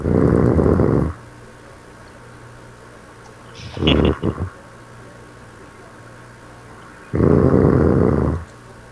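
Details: Loud, rough, low rattling snores about six seconds apart, with a brief snort between them; snoring.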